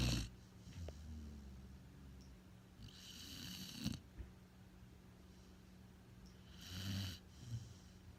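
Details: Sleeping pit bull dog snoring: two slow, rattling snore breaths over eight seconds.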